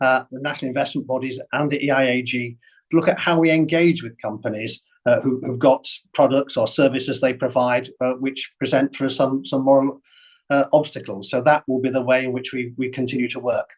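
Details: Adult man speaking; ordinary speech.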